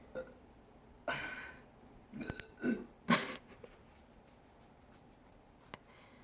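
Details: A few short, throaty belches over quiet room noise after drinking soda; burping.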